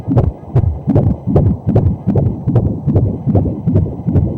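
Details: Pregnant woman using a home fetal heartbeat Doppler, unsure how to use it and struggling to find the heartbeat: rapid, regular whooshing pulses at about 150 a minute, typical of a fetal heartbeat on Doppler.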